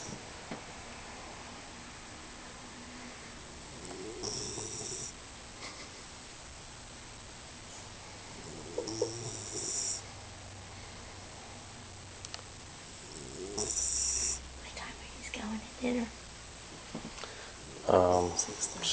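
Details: 4-month-old puppy sleeping on owner's legs gives soft, irregular, low snorting snores with faint room noise; snoring.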